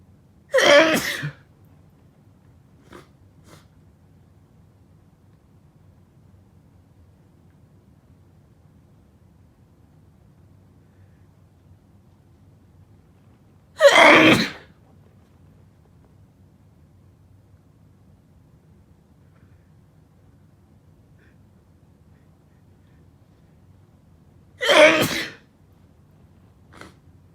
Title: Chhinkni Sneezing Fit w/ nose blowing